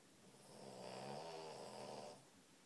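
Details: Boston Terrier snoring while napping with her sister: a single soft, drawn-out, rattling snore on the in-breath.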